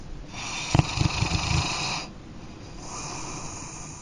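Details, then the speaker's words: A loud, drawn-out, moaning snore with fluttering low rattles, then a quieter breath; heavy 'humpback whale' snoring from a bed partner, presented as a possible sign of sleep apnea. "we call that snore the humpback whale while snoring can be a funny topic it can also be a sign of sleep apnea a serious medical condition"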